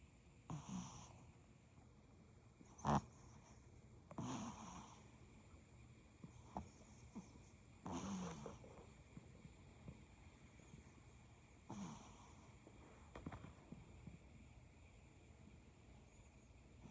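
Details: Teacup Yorkie puppy napping in a lap, dreaming and twitching: soft irregular snorts and snuffling breaths with quiet gaps between; light snoring and snorting.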